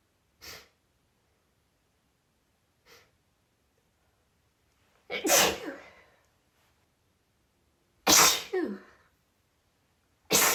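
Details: Female with an out-of-the-blue sneezing fit, recorded after about five sneezes had already occurred: a run of sneezes, some soft and some loud and explosive, in a quiet room.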